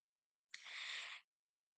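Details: Adult imitating the very quiet, subtle out-of-context vocal sound autistic students make, often when anxious or self-regulating during activities; acted demonstration; vocal stereotypy (echolalia).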